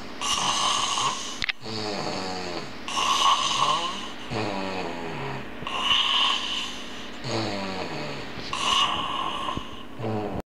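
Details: An adult man snores heavily, with loud rough snores on each breath in, about 23 a minute, separated by quieter breaths out; ordinary heavy snoring.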